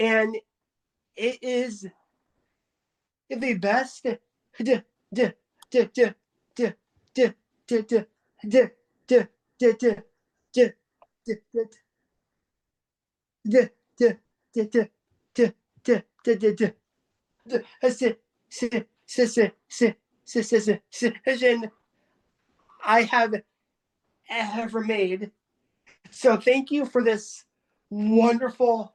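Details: Adult person who stutters, taking part in a stuttering support group meeting, with repetitions and filled pauses; stuttering.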